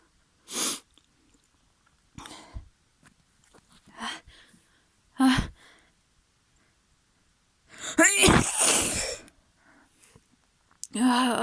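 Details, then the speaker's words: Several sharp, wet sneezes in a messy sneezing fit with a tickly nose, with sniffing and breathy gasps between them; ordinary sneezing from nasal irritation. "Oh, I'm so messy. Oh. Oh. I think I need to sneeze again."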